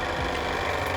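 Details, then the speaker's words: Waterpik water flosser in floss mode: loud, steady buzzing pump hum with water flowing from the handle while it is warmed up before use, checked with a finger until the water runs warm. "so unit on we're in floss mode and we're going to turn on the water flow on the handle"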